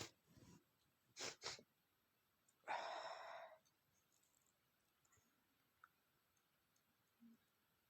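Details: Sneeze attributed to a flower allergy: short sniffing breaths, then one forceful, hissing sneeze burst, followed by quiet.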